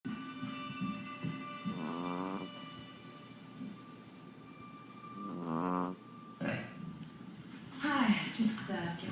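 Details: Overweight female Chihuahua snoring while asleep just after eating: two slow, rattling snores, with music, talking and household sounds in the background.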